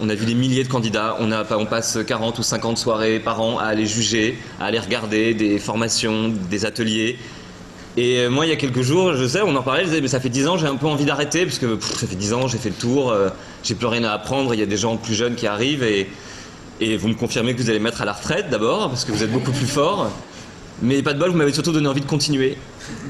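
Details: Adult man speaking French; no disorder.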